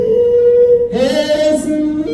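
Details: Male singer recorded before surgery, unable to produce falsetto; inability to produce falsetto.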